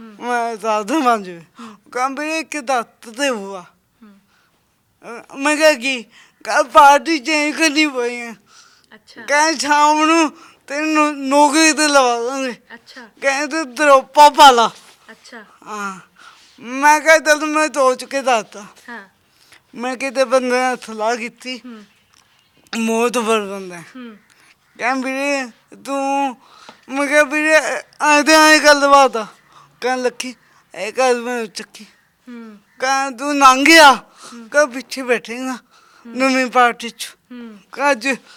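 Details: Articulation disorder with unclear speech in a young Sikh man with a disabled hand; the problem has been present since birth, and he is described as having a stammering tongue.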